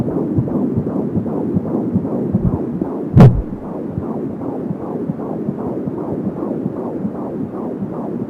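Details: Fetal heartbeat at 15 weeks of pregnancy, heard for the first time with an Angel Sound fetal Doppler: rapid, regular whooshing pulses at about 170 beats per minute, with whooshing umbilical cord sounds.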